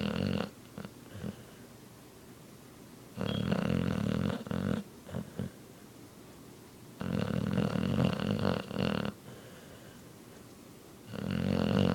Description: My Blue Nose Pitbull Niko Snoring Super Loud He Be In Deep Sleep